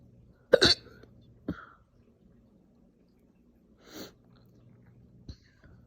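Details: Slow but very aggressive, painful hiccup-burps after breakfast: abrupt forceful hiccup bursts with throaty burp-like release, then quieter hiccups spaced a few seconds apart; hiccups with burping.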